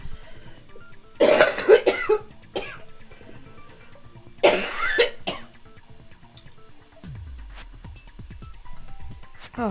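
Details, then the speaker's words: Adult streamer with laryngitis: two harsh, hacking cough bouts over soft background music. "God that's very very nasty cough very nasty cough my apologies"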